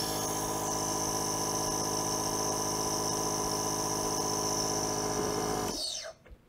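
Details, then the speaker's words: Nebulizer compressor with a face mask or mouthpiece, running a 5 cc normal saline treatment: a steady loud motor hum with a high whine for several seconds, then stopping: nebulizer compressor running. "attach your face mask or mouthpiece turn on your compressor"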